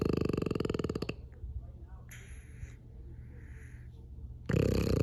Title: Sleeping frenchie, snoring frenchie.